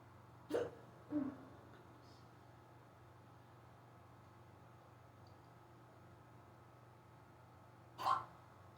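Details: Unusually bad, fast hiccups that began suddenly on waking and lasted almost 20 minutes: three short, sharp gulping sounds, two close together then one after a pause.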